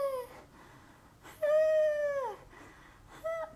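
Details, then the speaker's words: Simulated expiratory wheeze imitated by exhaling: a thin, high, musical whistle at the end of expiration, as described for obstructive diseases such as asthma and emphysema. "então é um barulhinho fininho no fim da expiração"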